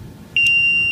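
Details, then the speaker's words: Transport ventilator, connected to an oxygen tank and a test lung, switched from standby to on: a single steady high start-up beep over low room hum. "ventilator has an onoff switch um which is actually right here which says on and standby so you will"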